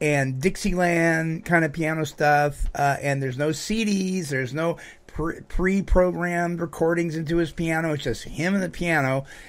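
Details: Adult male speaker; typical speech.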